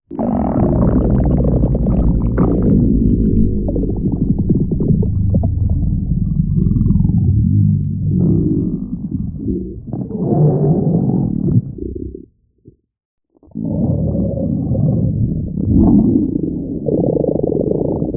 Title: Lime Cookie starving tummy sounds